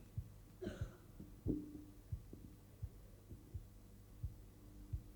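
Soft, regular low thumps about 85 a minute over a steady hum, with brief voice at the edges: Korotkoff sounds during cuff deflation.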